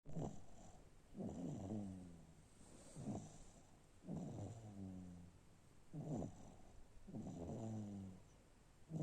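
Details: A sleeping infant snoring: regular, low, rattling snores with each breath, about 20 breaths a minute.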